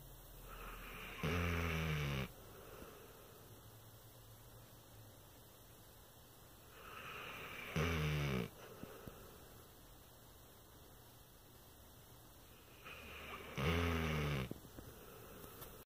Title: sucking and snoring